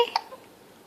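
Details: Infant: a single short, sharp hiccup; infant hiccups.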